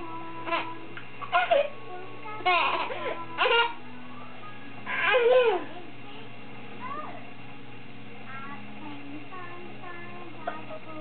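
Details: A baby making short bursts of fussing and crying with soft music in the background; ordinary infant cry.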